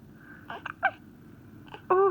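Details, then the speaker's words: A few short, abrupt voiced catches in a quiet room, the last one louder, as a voice asks if they are mad at their hiccups; hiccups. "are you mad at your hiccups you so mad at your hiccups braley you're so mad at your"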